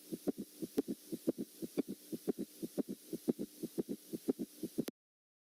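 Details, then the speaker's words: Teaching recording for nursing students of a summation gallop: fast, regular heart rhythm with an added sound in each cycle, giving a galloping three-beat cadence. "والان لنستمع الى السميشن جالوب"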